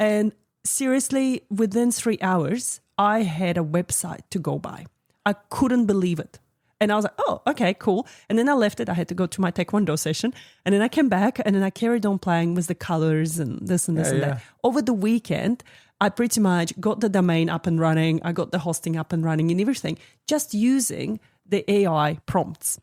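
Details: Adult speaker; typical speech.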